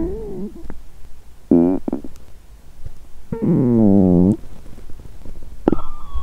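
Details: Woman fasting over 17 hours, period due that day and abdomen bloated: low gurgling rumbles with a few longer, wavering, almost tonal growls, then squeaky gurgles; hunger stomach growling (borborygmi) from an empty stomach.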